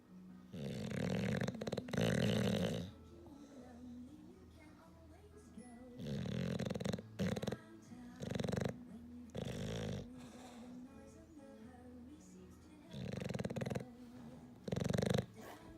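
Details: English Bulldog, a flat-faced dog, sleeping and snoring very loudly: loud, rattling snores in long bursts with quieter breathing between them; snoring.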